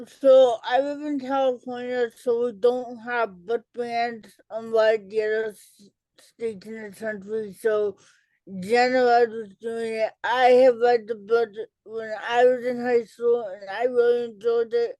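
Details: Adult female educator and author with cerebral palsy, who had a childhood speech delay treated with intervention; dysarthria in cerebral palsy.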